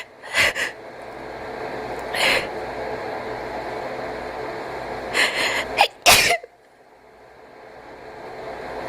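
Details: Cat with a series of sharp sneezes and snorting breaths, alongside wheezing and gasping; upper airway irritation.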